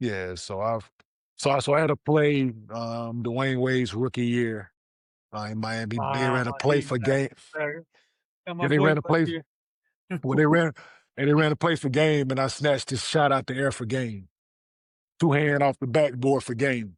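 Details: 47-year-old man, former professional basketball player, with stuttering since childhood.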